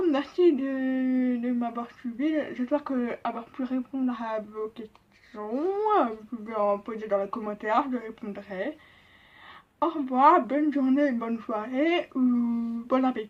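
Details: French-speaking woman, profoundly deaf, who learned to speak at an association from age 1; speech of a profoundly deaf speaker (deaf accent).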